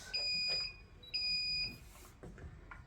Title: Nurse call bell ENS Eclipse type